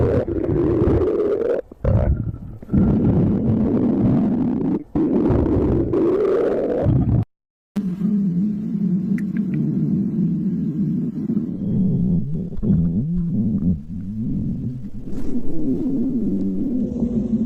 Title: stomach growling